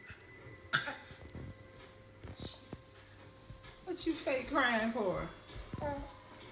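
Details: A baby gives a short, playful, voluntary (fake) cough, then vocalises with rising and falling tones.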